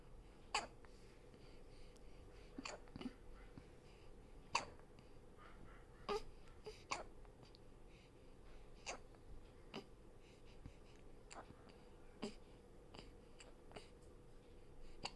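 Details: Brief sharp hiccup sounds repeating at irregular intervals, about a dozen in 15 seconds, against quiet room noise; hiccups.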